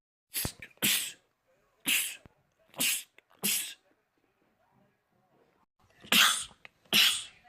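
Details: Men's rapid sneezing compilation: seven sharp, explosive sneezes in quick succession with short pauses; a rapid sneezing attack.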